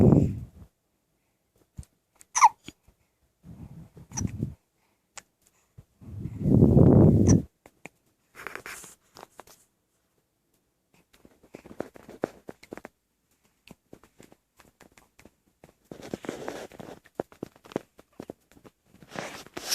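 Quiet, irregular short gulping jerks with soft breathing in a small room, fitting hiccups in a small animal.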